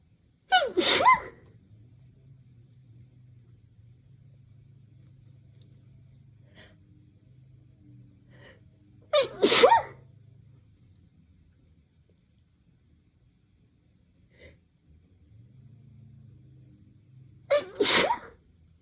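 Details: Woman sneezing, tagged as allergies: three separate sharp sneezes, each with a quick breath in and a forceful burst out, several seconds apart in a quiet room.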